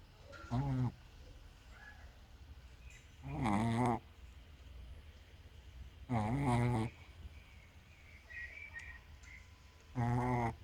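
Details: Sleeping animal snoring in the morning after playing all night: irregular, rough snores on breaths in, some several seconds apart, over faint background noise.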